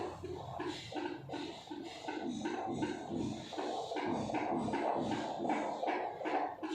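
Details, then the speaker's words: Doppler over a pregnant mother's abdomen, fetal presenting part engaged in the pelvic inlet, counted for one minute in a midwifery practical exam: rapid, regular whooshing fetal heartbeat at 145 per minute, normal (120–160). "lalu didapat hasilnya yaitu 145 denyut jantung bayi yang janin yang normal itu adalah 120-160 berarti denyut jantung bayi daripada si Ibu itu adalah normal dan baik"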